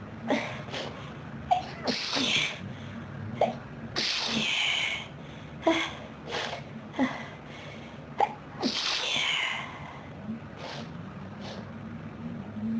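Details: Repeated forceful sneezes in quick succession, sharp explosive bursts with breaths between, in a quiet enclosed space; an intense sneezing fit.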